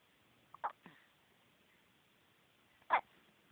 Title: More hiccups